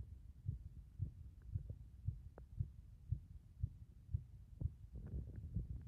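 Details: Heartbeat; regular low thumping at about 115 beats a minute, somewhat fast, with steady background hum.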